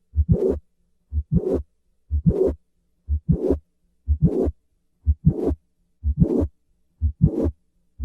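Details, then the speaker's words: Mitral valve prolapse, the most common cause of primary mitral regurgitation: regular heart sounds about 60 a minute, each beat with a short mid-systolic click followed by a rushing late systolic murmur. "mitral valve prolapse is the most common cause of primary mitral regurgitation in developed countries listen once again to the murmur of mitral valve prolapse"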